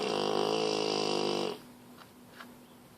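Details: Sleeping bullmastiff dog: one long, loud, rattling snore lasting about a second and a half, then quiet room noise; snoring.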